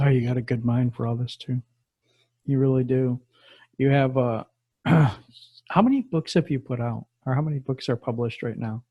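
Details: Adult male speaker; typical speech.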